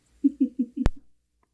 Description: Just a tiny piglet with the hiccups.